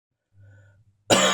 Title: Cough much dryer now.